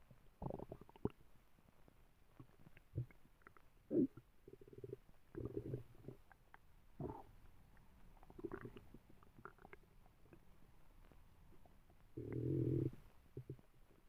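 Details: Dog with a very loud tummy, stomach rumbling while she sleeps: quiet low gurgles and rumbles at irregular intervals, one longer groan near the end; borborygmi.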